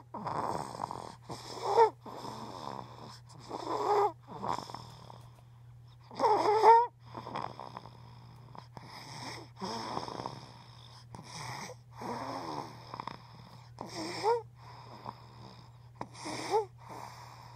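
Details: Sleeping child's snoring recorded for his ENT doctor: loud, repeated snores with rough rattling noise on breathing in and snorting bursts.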